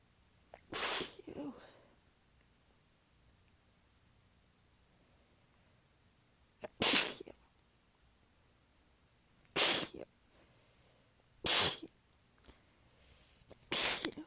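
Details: Five hissing, partly held-back sneezes a few seconds apart in a quiet room; the person was exhausted with sore abs and biting them back during a massive, tired fit. Sneezing fit.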